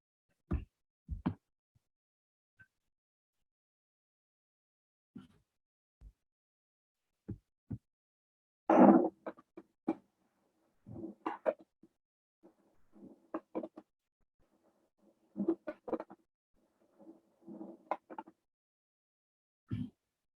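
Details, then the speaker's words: Fine crackles: short, scattered, very fine popping clicks over quiet breathing, heard at the end of inspiration. "como pudimos observar, son ruidos muy finos que se suelen escuchar al final de la inspiración."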